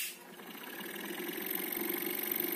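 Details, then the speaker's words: G-Tech nebulizer compressor switched on at the 230 V setting as it came from the factory, running noisily and barely producing pressure; should be switched to 127 V; nebulizer compressor running weakly. "Mal dá pressão, pode até dar problema ou vão achar que tá com problema."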